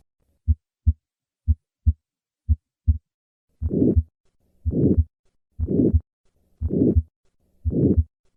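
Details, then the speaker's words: Aortic stenosis late-peaking murmur; regular heartbeat near 60 a minute, crisp sounds, then a loud, harsh systolic murmur with each beat. "listen to the difference between these two murmurs i will start with an innocent murmur as shown by the phonogradiagram on the top and then play an aortic stenosis murmur as shown by the phonocardiogram on the bottom and now aortic stenosis"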